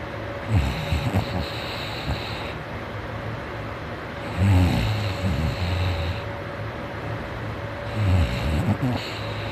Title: mornin snoring